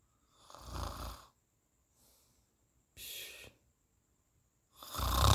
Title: Snoring sound effect. Efek suara mengorok